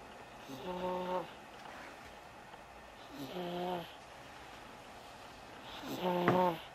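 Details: Son snoring: three soft, whistling, tonal snores, one every two to three seconds, over faint room noise.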